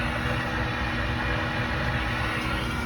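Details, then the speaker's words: Dental cassette sterilizer running a cycle with surgical instruments, heating to and holding 134 degrees for three and a half minutes. A steady low rumbling drone with a faint hum. "so this machine is going to run with it like this until it's done at the end it's going to say that the load is completed right now it just says on there that it has to get to 134 degrees and it's gonna run at that 134 degrees for three and a half minutes"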